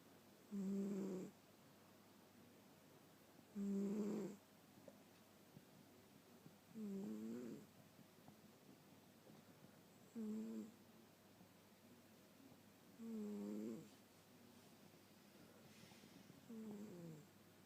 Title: My cute snoring cat